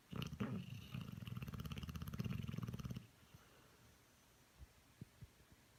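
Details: Dog snoring louder than a human: one loud, low, rattling snore with a rapid flutter lasting about three seconds, then quiet breathing with faint clicks.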